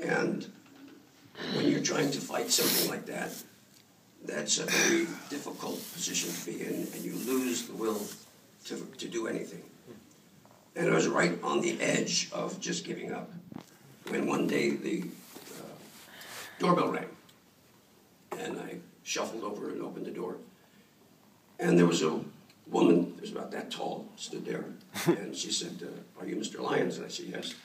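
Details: Adult male throat cancer survivor, diagnosed about 14 years earlier; dysphonia after throat cancer.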